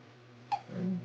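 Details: Baby hiccups: a single short, sharp infant hiccup over low room hum, followed by a soft vocal sound.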